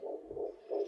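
Rapid whooshing pulses of an early-pregnancy fetal heartbeat on Doppler, about 165 to 170 beats a minute.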